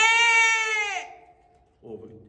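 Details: Echolalia in an autistic man, vocally imitating sheep.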